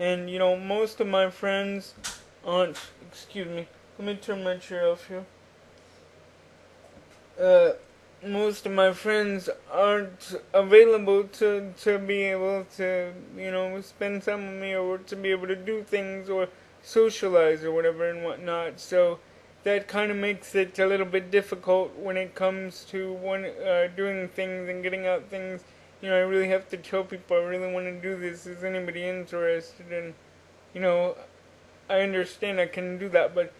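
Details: Adult man with cerebral palsy since birth, which he attributes to oxygen deprivation in the womb; he uses a wheelchair and reports normal cognition. Dysarthria in cerebral palsy.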